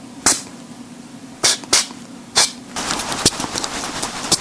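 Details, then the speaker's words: Several short, hissy, sneeze-like nose snorts from a pet flying squirrel; the owner believes these are nose sounds made when excited, e.g. while playing or when uncomfortable being held. "맨처음 피워 보시는 분들은 되게 걱정많이 아십니다 아이들이 기침을 하는게 아닌가 재채기를 하는 게 아닌가 그래서 감기에 걸린 거 아닌가 이런 고민하신 분들이 계시는데"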